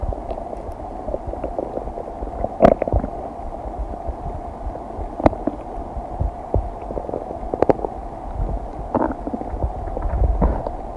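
Irregular gurgles and rumbles from the belly over a low background hum. Normal bowel sounds of digestion.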